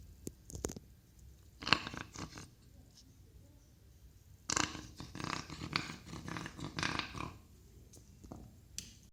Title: "Гусиный гогот"; БОС или коллапс трахеи. "Goose-honk" cough; BOS or tracheal collapse.